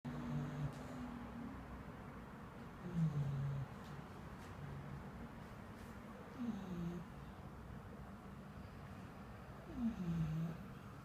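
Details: Sleeping bulldog snoring: faint, low, droning snores about every three to four seconds over a noisy background.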